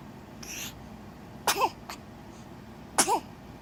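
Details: Hiccups in a 3-day-old newborn boy: two sharp, abrupt hics about 1.5 seconds apart, each with a brief squeaky voiced catch, in a quiet room.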